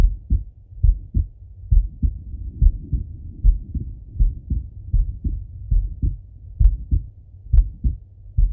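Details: Regular paired low heart sounds at about 67 beats a minute with no extra sounds, from a male lying on his left side during auscultation: normal heart sounds.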